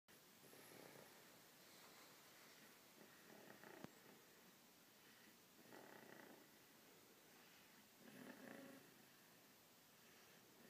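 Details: Napping sleeper: soft, breathy, snuffling snores that rise and fall with each breath over steady room noise; snoring.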